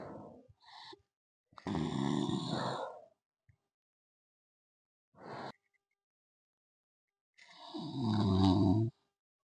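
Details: Student in a hostel snoring in sleep: irregular, loud, rough, rattling, grunting snores with silent pauses between them.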